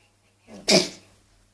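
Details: Child coughing while recorded by a parent who mentions going to the doctor: a single short, sharp, sneeze-like cough burst.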